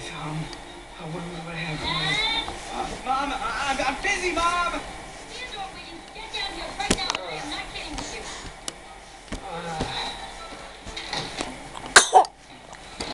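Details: Young child babbles and vocalizes in a small room, then one short, sharp cough near the end.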